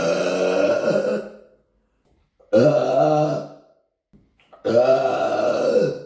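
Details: Deliberate burping in an apartment, recorded on a Samsung Galaxy S9 phone: three long, loud, low-voiced belches about two seconds apart in a small room.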